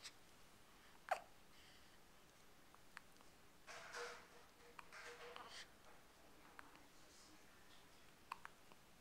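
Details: Person with hiccups: a few sharp, brief catches of breath, irregularly spaced, against quiet room noise.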